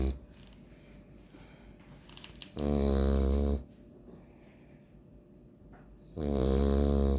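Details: French Bulldog snoring while asleep, likened to a grandpa.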